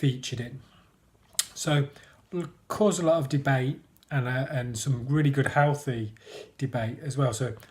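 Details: Stuttering (stammering) with blocks in an adult man who describes himself as a person who stammers.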